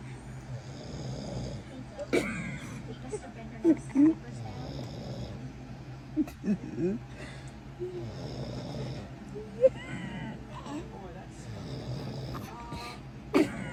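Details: Father snoring beside 7-month-old baby girl, often waking her: steady rumbling adult snores with soft infant squeaks and fussing over them.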